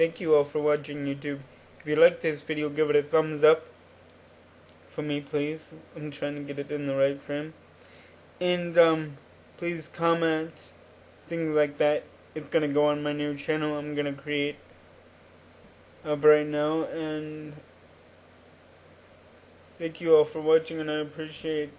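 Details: Adult man with cerebral palsy since birth, attributed to oxygen deprivation in the womb, wheelchair user, cognitively typical by his account; dysarthria in cerebral palsy.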